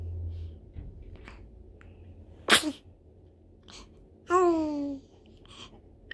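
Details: Nine-day-old newborn's sharp sneeze followed by a brief cry-like squeal and soft breathing sounds; normal infant sneezing.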